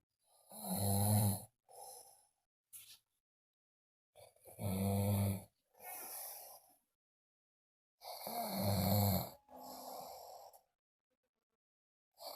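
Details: Loud, low, rattling snores from a person on the in-breath with softer out-breaths, about 15 breaths a minute: ordinary heavy snoring.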